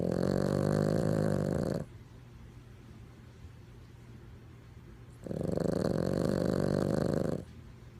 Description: Holy smokes what is that?!? Oh it's just a Chihuahua snoring!